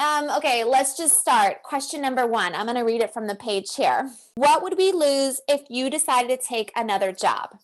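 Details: Adult woman, acted skit; Typical speech.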